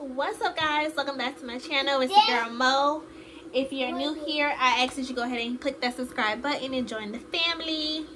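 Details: Adult woman; normal speech.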